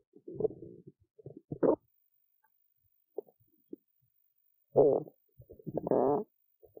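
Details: Adult woman's hungry stomach after skipping lunch: irregular gurgling and rumbling bursts with bubbly rises and quiet gaps, active bowel sounds (borborygmi).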